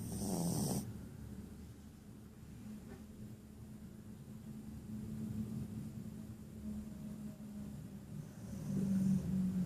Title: Snoring poodle